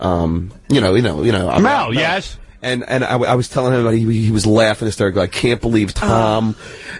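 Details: Stuttering in an adult man with word and syllable repetitions.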